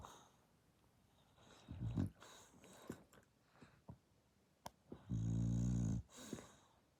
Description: Dasha snores so loud! #snoring #loud #dog #Dasha